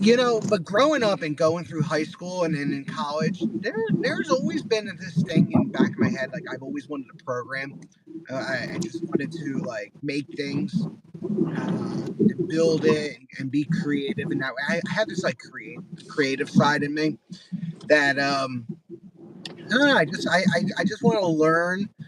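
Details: Man with mild Tourette syndrome diagnosed less than 10 years earlier, speech impediment since childhood, eye and shoulder tics, neurologists say stress related; disfluent speech (word and part-word repetitions) with Tourette syndrome.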